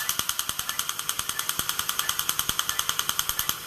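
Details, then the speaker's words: Rapid, very regular high-pitched clicking pulses, about three per second, from a dental laser removing the last decay from a cavity in a back tooth, without anaesthetic shot or drill, before a tooth-coloured filling. "let's all turn that off for now and I'll go back in with the laser real fast"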